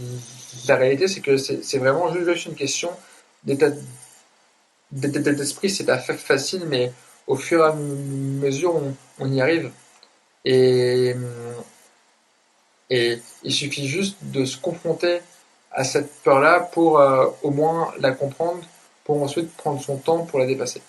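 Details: Adult man who grew up with severe stuttering alongside dysgraphia, dyspraxia and ADHD; word repetitions and hesitations while speaking English: stuttering.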